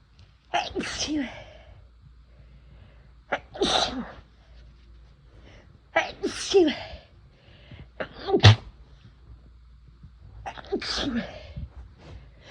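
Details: Adult using chhinkni sneezing powder for the first time: five forceful induced sneezes a few seconds apart, each with a gasping in-breath.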